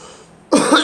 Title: Me and girl coughing